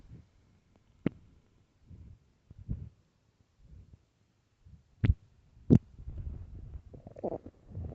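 Irregular low gurgles and rumbles with a few sharper pops from an empty stomach; ordinary hunger growling.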